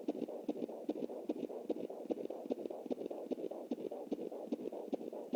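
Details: Fetal heartbeat at 20 weeks 7 days of pregnancy, anterior placenta, heard on a Jumper home Doppler, galloping like a horse. This was a normal-sounding fetal heartbeat; the baby boy was later stillborn at 28 weeks.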